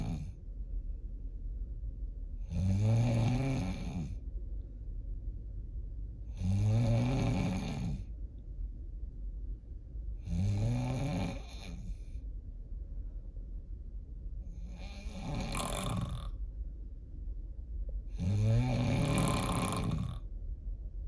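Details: Heavy snoring likened to a diesel truck: loud, deep, rattling snores about every four seconds, around 16 a minute, with quieter breathing between them.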